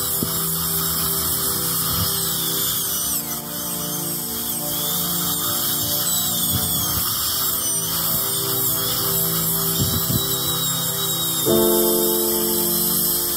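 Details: Steady high-pitched whine of a dental high-speed handpiece over background music during cavity treatment before composite filling.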